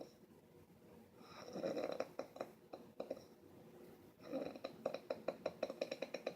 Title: Queen of snoring